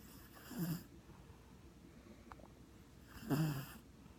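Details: Sleeping dog snoring: two slow, low rattling breath sounds about three seconds apart, in a quiet room.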